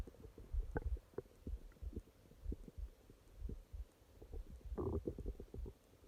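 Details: Stomach growling at night (part 2): repeated low gurgles and rumbling bursts from the belly, with a louder gurgle near the end (borborygmi).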